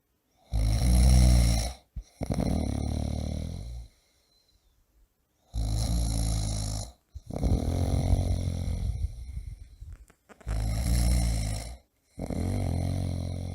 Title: Ronco Pessoa Roncando Alto - Homem Roncando - Efeito Sonoro - Snoring Person - Snoring Loudly